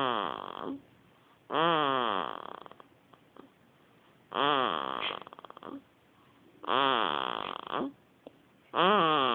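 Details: Rhythmic, voiced baby snoring with a soft, tonal quality, about four to five breaths in nine seconds separated by quiet pauses; infant snoring.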